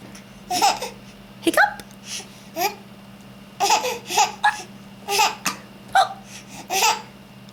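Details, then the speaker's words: Infant laughing and babbling, broken by abrupt, jerky catches of breath over a steady room hum; baby laughing through hiccups. "do you have the hiccups? Is it funny? You're trying to laugh with hiccups."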